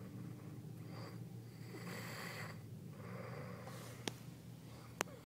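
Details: A person snoring while asleep in the back of a car: noisy, rough breathing that rises and falls with slow breaths over steady hum.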